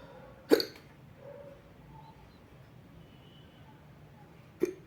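Two short, sharp hiccups about four seconds apart in a quiet room.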